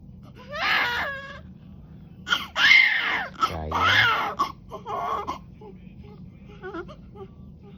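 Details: Newborn crying shortly after hospital delivery: short bursts of high-pitched wailing with gasps between, amid quiet room noise and faint adult voices.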